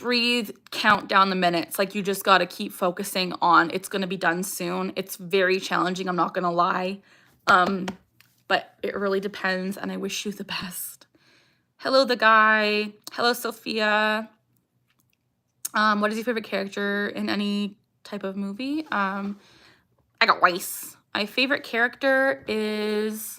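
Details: Young woman with Tourette syndrome whose speech is interrupted by her vocal tic "I got rice"; her other vocal tics are barking and saying "ha"; vocal tic (Tourette syndrome).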